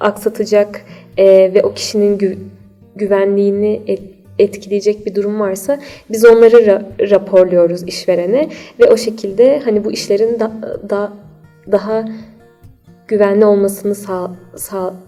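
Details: Stuttering in a 28-year-old woman.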